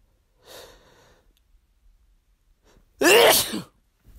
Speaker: bless me thank you huh these are strong